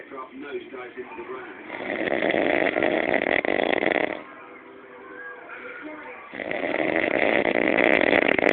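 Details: Adult man snoring heavily around 6 a.m. after passing out while waiting for pizza: loud, rough, rattling snores on long inward breaths, with quieter outward breaths between them.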